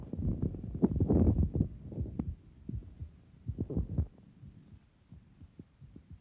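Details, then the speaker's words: Man with carditis from active rheumatic fever, no murmurs: very rapid, evenly spaced machine-gun-like heart sounds, with first and second sounds indistinguishable: tachycardia with embryocardia. "The heart sounds here resemble a machine gun, and it is impossible to differentiate the first sound of each heartbeat from the second sound."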